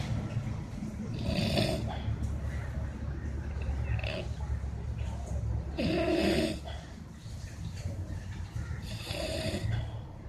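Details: Person snoring while asleep: three rough, rattling snores over about ten seconds against a steady low background rumble; ordinary snoring.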